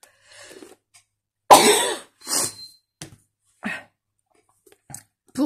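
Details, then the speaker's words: A single loud, explosive adult sneeze in a quiet room, followed by a few quieter breaths and small sounds, during a home colouring vlog: a sneeze. "Pardon, je viens d'éternuer."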